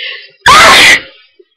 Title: Hayfever (attacks the days it's sunny) Loud sneezes